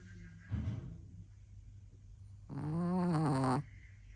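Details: Snoring in sleep, possibly a woman: a short low snort, then a long buzzing, rising snore on the next breath.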